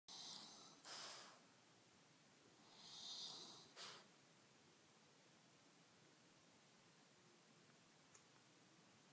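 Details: Snoring puppy (pug): soft, snuffly snoring breaths, two in a row, then quiet.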